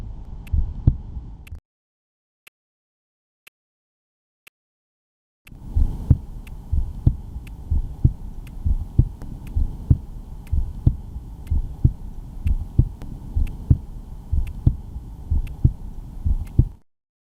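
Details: Heart sounds on stethoscope auscultation in a clinical skills demonstration: regular low thumps at about 62 beats a minute over a steady low rumble.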